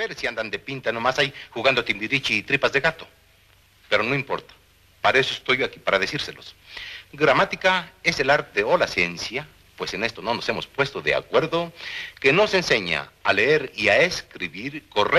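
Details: Acted derailment and incoherent speech with neologisms (cantinflismo), comedic performance played in a psychopathology lecture as an example of these language phenomena.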